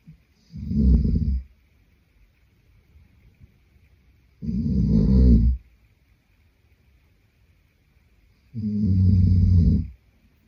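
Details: Boyfriend sleeping: deep, low rumbling snores, about 14 a minute, each lasting around a second, with quiet between; ordinary sleep snoring.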